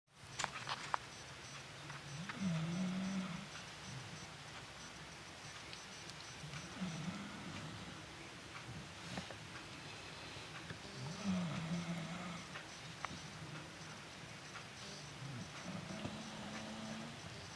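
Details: Faint, low, droning snores from a sleeping pet named Cocoa, recurring about every four to five seconds over room hiss.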